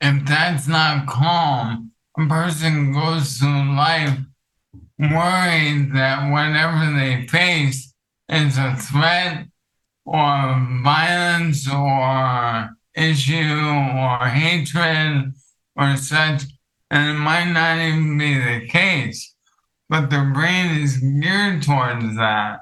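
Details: Dysarthria from ALS in an adult male; ALS affects his vocal cords, makes talking for long periods difficult and has changed his ability to speak clearly.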